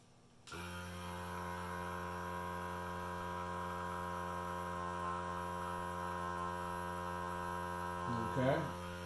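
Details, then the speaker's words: Serene Innovations hearing aid vacuum cleaner running to clean a hearing aid's battery compartment during a home tune-up: steady electric motor hum of the small suction device. "if you're good with your hands you can do all this now you can also use this to clean inside where the battery goes"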